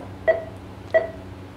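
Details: Anaesthesia monitor on a Shih Tzu dog during bladder stone removal surgery: two short tonal pulse beeps about 0.65 s apart, roughly 90 a minute, in a quiet room.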